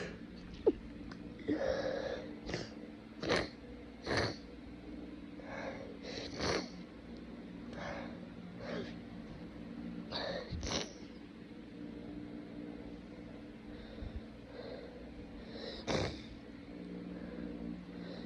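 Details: Sneezing with snotty sniffling: several short sneeze bursts with wet, congested sniffles between them over a steady low room hum.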